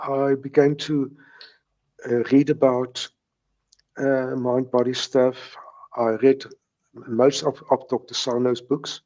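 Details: Stuttering in a man in his 70s who has stuttered since age three; he says he still has mild speech blocks.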